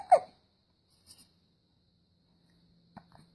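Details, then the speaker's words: 18-day-old baby boy with hiccups: a single short, sharp voiced hiccup followed by faint soft catches of breath in a quiet room. "got a little case of the hiccups he was smiling and talking earlier I was hoping I could catch it"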